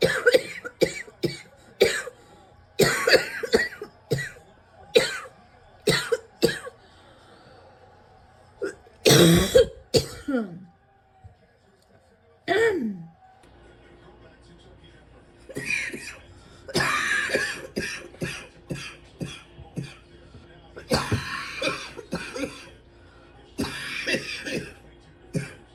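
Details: Repeated bursts of harsh coughing in clusters with brief pauses throughout, a continuing fit the person cannot stop: persistent coughing fit.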